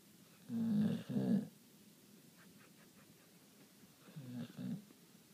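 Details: Sleeping pit bull dog snoring: two rattling snore bursts, each split into two parts, with a quiet gap between.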